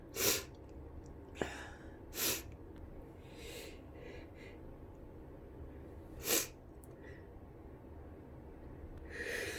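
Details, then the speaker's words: Sneezing bout during flu, with an itchy nose: four sharp, hissing sneezes with short gaps between them, over steady room noise. "Ew. Oh. Ew. Oh, my nose is so itchy."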